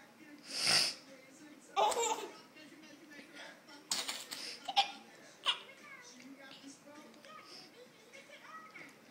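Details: Adult with a cold sneezes sharply, followed by a baby's bursts of laughter, with quiet talk in a small room.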